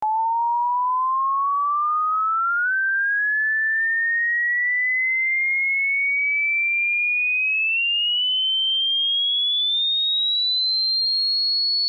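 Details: Hearing test tone: steady pure whistle slowly climbing in pitch from mid to high for a self hearing check; age-based chart, people over 60 hearing up to 8000 Hz have normal ears.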